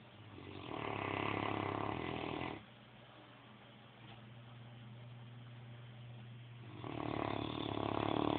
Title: Snore some more ..